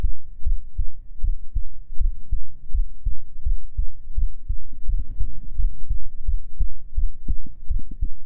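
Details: Binaural ASMR sleep-aid recording of a boyfriend's chest heartbeat: steady, soft two-part thumps at about 83 beats a minute, an ordinary resting heartbeat.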